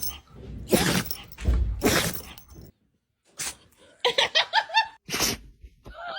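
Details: Several explosive, hissing nasal bursts with short snorts between; dog sneezes.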